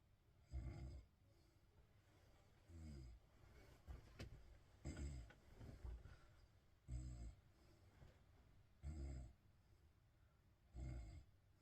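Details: Deep, rattling snores about every two seconds, roughly 30 a minute, with quiet pauses between, from someone asleep in a bed; ordinary snoring.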